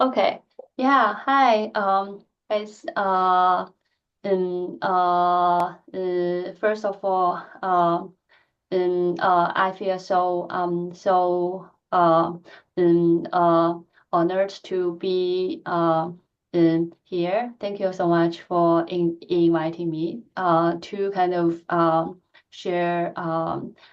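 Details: Woman who stutters; her stuttering is stronger in presentations than in private settings, with more filler words and repetitions; stuttering.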